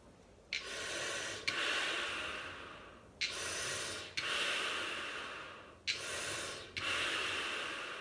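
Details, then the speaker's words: Asthma inhaler technique demonstrated by a respiratory nurse: one press of a metered-dose inhaler into a valved spacer (aero chamber), then three slow, steady hissing breaths in, each starting with a faint valve click, about 22 a minute. "So I'm going to press in, one press, okay, and you'll hear it me doing, so you'll hear me breathing in, and just watch my action."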